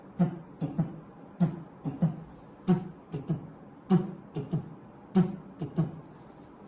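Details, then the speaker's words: Third heart sound (S3 gallop) heard immediately after the second sound, during early diastole, as in volume overload or ventricular failure; teaching auscultation demonstration. "يتسمع ازاي الاس 3 ده مع النازله بعد السكند على طول"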